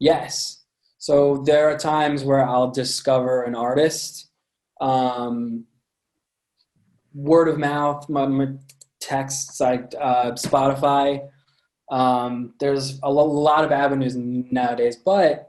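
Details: Adult man with a lifelong stutter present since birth, noticeable to listeners; stuttering.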